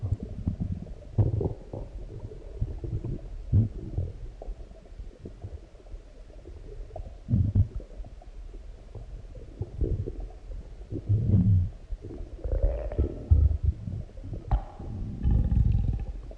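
Deep, low rumbling growls and gurgles come and go from the belly, ordinary active bowel sounds after a large meal.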